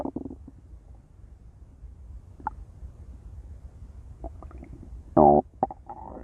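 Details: Intense stomach growling from a female: gurgling, squeaky growls with one loud groaning rumble near the end; ordinary bowel sounds.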